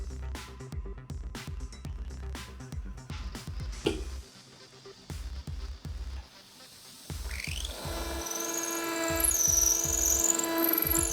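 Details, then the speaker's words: Bursts of low motor hum rising to a high-pitched drill whine over music: the G drill preparing a 4.5 mm diameter Morse taper dental implant site in hard bone, per the Epikut drilling sequence. "we follow the linear sequence for a 4.5 millimeters diameter implant in a hard bone with the letter g drill"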